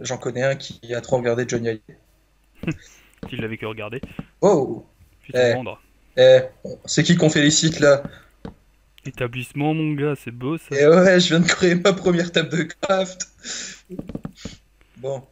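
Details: Adult male speaker; normal speech.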